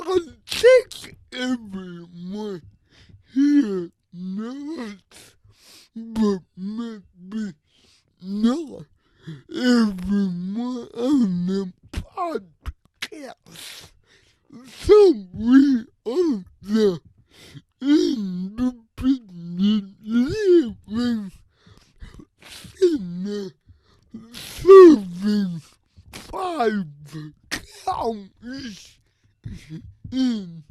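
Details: Adult man with cerebral palsy who describes his own speech disability; his words are revoiced by another speaker; dysarthria (cerebral palsy).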